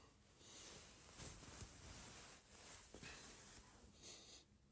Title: SNORING PARTNER